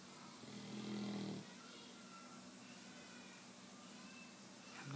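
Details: A child and a puppy napping together, snoring; it is unclear which one is snoring, and they may alternate. A single low, rattling snore on an inward breath, then quiet room noise.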